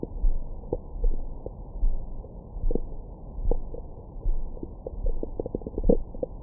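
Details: Low rumbling with scattered short gurgles and squeaks over the belly, recorded with a Stemoscope stethoscope microphone after a large meal for ASMR: ordinary active bowel sounds, stomach growling.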